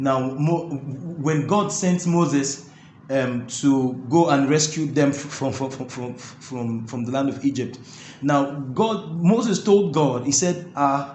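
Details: Adult male with stuttering (stammering) that makes talking difficult and is absent when singing; the interviewer notes he stammers a bit; stuttering.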